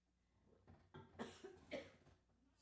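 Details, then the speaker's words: Adult coughing after inhaling water while playing piano live: three to four sharp, wet-edged coughs in a quick run, a reflex to aspirated water. "I just inhaled my water. Sorry about that. I'm going to play the piano while I cough."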